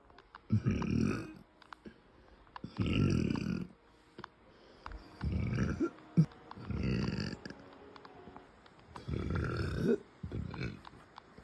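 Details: Female, bloated, producing closed-mouth burps: six muffled, low, rumbling belches, each under a second, spaced a second or two apart.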